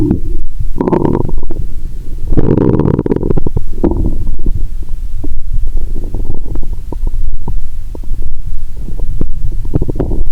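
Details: Stethoscope on the belly of a person lying down after drinking cola with swallowed Mentos: loud gurgling and bubbling rumbles with frequent clicks and swishes; active bowel sounds.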